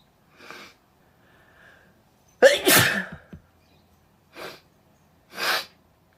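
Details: Messy, apparently deliberately triggered sneeze: one loud, wet, explosive sneeze with softer sniffs and puffs before and after.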